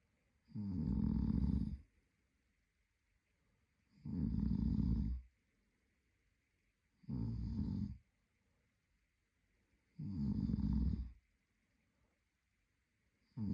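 Steady rumbling snores about every three seconds, near 20 a minute, with silent pauses between them in a quiet room.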